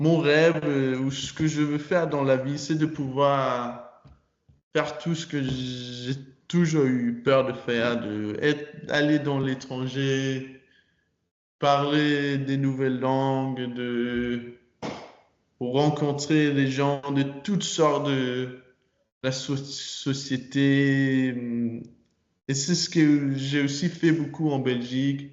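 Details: Stuttering in an adult man speaking French.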